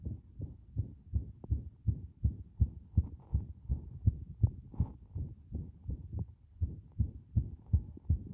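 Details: Video of a heart with strong arrhythmia briefly stopping: rapid muffled heartbeats with uneven spacing and occasional brief gaps, an irregular rhythm with pauses.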